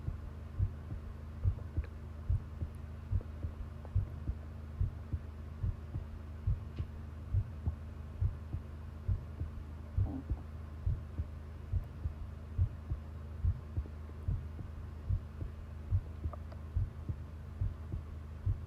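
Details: Long heartbeat recording: normal heart sounds, a regular, low thumping heartbeat at about 70 beats a minute with a steady rhythm over a soft hum.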